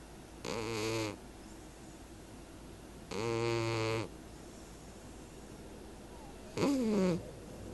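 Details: Sleeping cat: three slow, buzzing, rattly snores about every three seconds, with steady low background hiss between; snoring.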